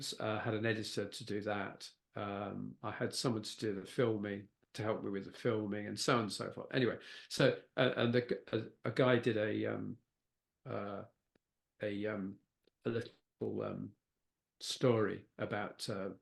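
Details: Post-stroke aphasia with word-finding difficulty in a man who had a stroke (a brain bleed affecting Broca's area) at age 69.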